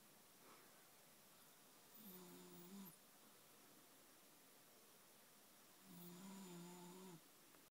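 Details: Adult snoring beside a bed partner: two long, low, rattling snores about four seconds apart over steady room hiss; ordinary snoring.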